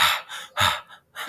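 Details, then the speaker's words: Demonstration of quick, heavy, breathy deep rapid breathing a patient is asked to do during posterior chest auscultation for suspected pneumonia, before saying "33" to assess vesicular murmur and crackles. "Entonces le pones y le dices primero, señora, por favor, respire como agitada, ¿no? Como cansada, o sea,"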